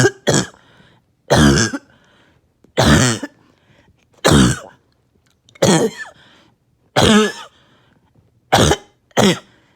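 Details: Bad, uncontrollable barking cough in a patient on medication with little chest pain this episode: about eight harsh bursts, some in pairs, with short quiet gaps.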